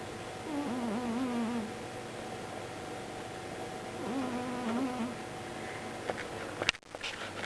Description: Murphy snores extremely loudly when he's asleep, he sleeps on our bed at night and drives us mad.